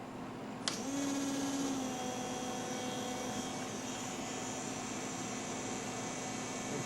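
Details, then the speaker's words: Dental lab: click, then a steady high motor whine as a handpiece runs a rubber wheel in reverse along cast metal coping margins to remove wax-flake overhangs and micro bubbles. "and what you do is take a rubber will and I I just put it in reverse"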